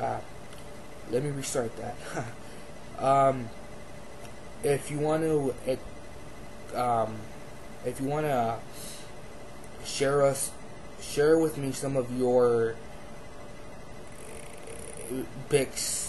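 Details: Adult man who has stuttered since childhood; stuttering with sentence restarts, word repetitions and a broken word.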